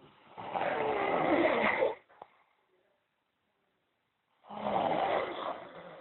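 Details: Sleeping man: loud, harsh rattling snore on the in-breath, a quiet pause of about two seconds, then the next snore begins; snoring.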